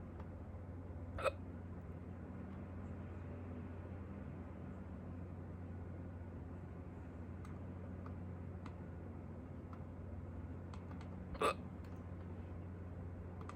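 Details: Two short, sharp hiccups about ten seconds apart over a steady low room hum, in a person who had hiccups for the first time in a long time; hiccups.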